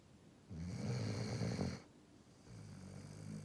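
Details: Sleeping dog gives a long, rattling, low-pitched snore on the in-breath, then a quieter breath out as the next snore begins; ordinary snoring.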